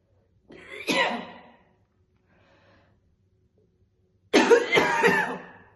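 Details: A woman coughing heavily while chain-smoking two cigarettes, with occasional spitting: two heavy, harsh, rattly bouts of deep chesty smoker's cough separated by quiet.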